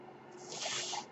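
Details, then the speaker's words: Speaker's own mechanical ventilator heard while he talks on a podcast: a soft, airy hiss swells and fades over about half a second, one breath delivered by the ventilator. "That noise you're hearing. That noise you're hearing is my ventilator."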